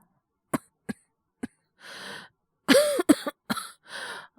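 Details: Acted cough in a voice drama, male character with a cold and high fever: a few short dry coughs, then a harsher cluster of coughs with breathy in-breaths.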